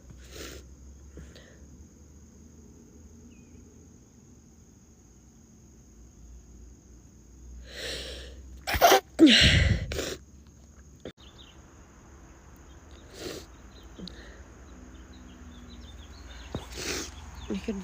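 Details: A girl takes a few catching breaths as the sneeze builds, then gives one loud, forceful sneeze in a quiet room; sneeze.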